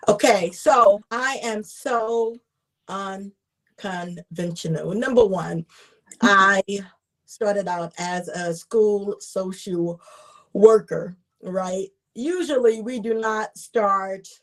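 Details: Adult woman, self-identified stutterer who gets stuck on words and is also a traumatic brain injury survivor, with word repetitions; stuttering.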